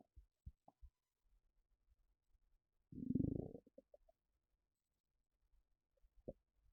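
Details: Bowel sounds (borborygmi).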